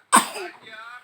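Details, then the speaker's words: Single short, sharp cough from a young child who has a cough and cold, fading into quiet room noise. "Tuh kan batuk kan?"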